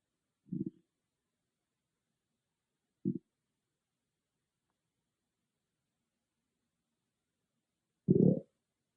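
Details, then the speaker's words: Own stomach growling recorded on an iPhone without a special microphone: three low gurgling rumbles a few seconds apart in a quiet room; bowel sounds. "Hey growlers, I just want you to see how loud my stomach could get with no ASMR microphone, just an iPhone um, audio."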